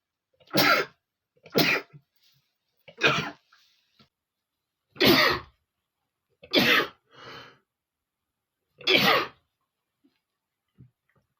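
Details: Male, a run of six sharp, explosive sneezes spaced over about ten seconds; he attributes his sneezing to flowers irritating his nose.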